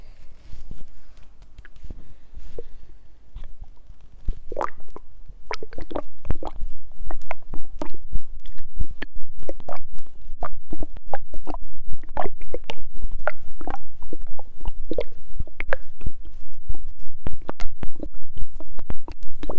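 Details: Stomach growling recorded as ASMR, described as hungry: continuous low rumbling with many quick gurgles and watery pops, loud growling with fluid sounds over soft music.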